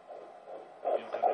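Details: Fetal heartbeat on Doppler recorded at a prenatal appointment: rapid whooshing pulses at roughly 150 beats a minute, which the clinician remarks sound strong.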